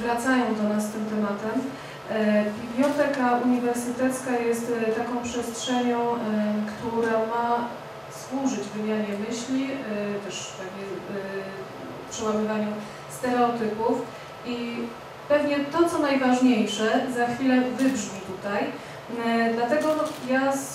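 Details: Adult woman speaking Polish; typical speech.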